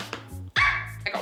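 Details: Woman with Tourette syndrome; uncontrollable barking vocal tic, one of her first tics since childhood; she also has another vocal tic, 'I got rice'; vocal tic (barking).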